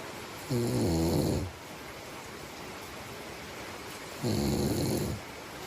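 Two long, buzzing, droning snores about four seconds apart over steady room hiss: snoring during sleep.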